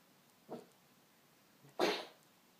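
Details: Two coughs from a dog in a quiet room: a quiet, short huff followed by a louder, harsh burst.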